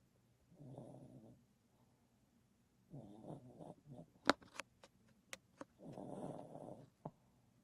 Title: dog snoring